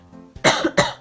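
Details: Two sharp, harsh coughs from an adult in quick succession, with a brief faint sound just before them; cough.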